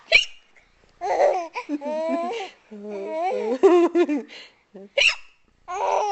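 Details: Young child laughing and babbling, broken by a few abrupt, sharp hiccups; recorded on a Flip Video camcorder.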